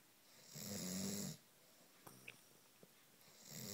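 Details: Very loud snoring, said to be heard from at least two floors above: one loud, rough, rattling snore on the in-breath, then quiet breathing before the next snore begins; snoring.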